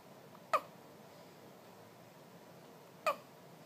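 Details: One-day-old baby girl with hiccups: two short, sharp hiccup sounds about two and a half seconds apart in a quiet room.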